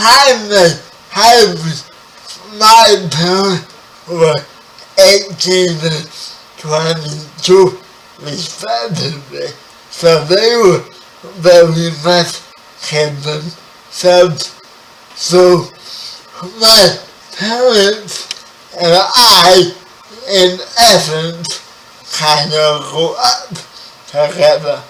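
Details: 30-year-old man with spastic quadriplegic cerebral palsy, born 11 weeks premature, wheelchair user; dysarthric speech in spastic cerebral palsy.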